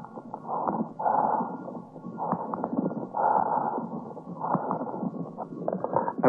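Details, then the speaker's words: Lung auscultation demonstration: bronchial breathing heard over inflammatory consolidation of a lung lobe. Loud, harsh, hollow breath sounds in both phases, with a strong expiration. "При воспалительном уплотнении доли лёгкого выслушивается бронхиальное"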